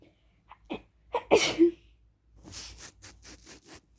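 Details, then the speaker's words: A person who can't stop sneezing and has an unexplained tickly nose, unsure whether a cold is starting and reporting no allergies: a few catching inhalations build to one loud, explosive sneeze, then quieter huffing breaths. "so i don't know why but i can't stop sneezing like i don't know if i'm getting cold or what but my nose has been really tickly"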